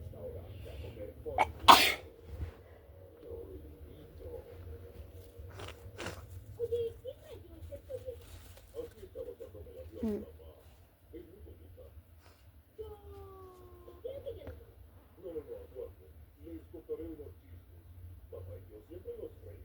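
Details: A girl's single loud, forceful sneeze, followed by quieter sounds, with a television cartoon playing in the background.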